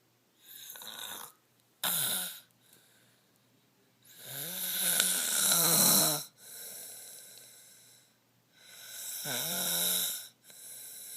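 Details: Loud, rough, fluttering snoring sounds recurring irregularly during sleep, about 15 per minute, from a sleeping girl.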